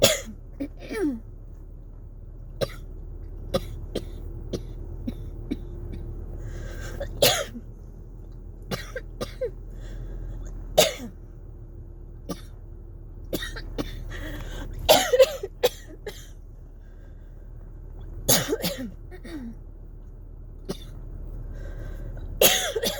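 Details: A dry coughing fit in a person with cough variant asthma, triggered by very cold, dry air and old heater vents. Repeated short, dry, hacking coughs come in scattered bouts over a steady low room hum.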